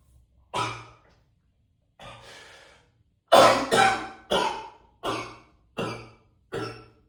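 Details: About seven harsh, forceful coughs in an echoey bathroom, several in quick succession after a long breath in; heavy repeated coughing.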